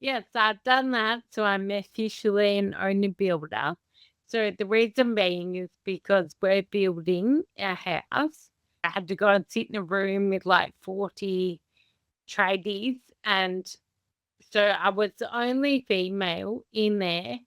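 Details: Adult woman with Friedreich's ataxia, a progressive inherited condition damaging nerves and muscles, diagnosed at 17; she says her own speech is very slow and audible to others; ataxic dysarthria with slow speech.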